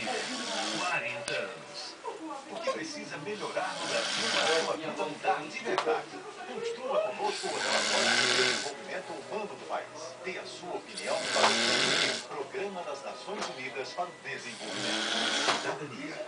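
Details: Grandfather snoring while asleep: loud, rattling snores about 16 per minute, heard over a television playing talk and music.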